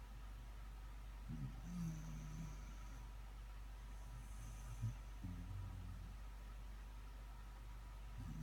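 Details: Low rumbling snores recurring every few seconds from a sleeping dog, heard over steady vehicle engine rumble.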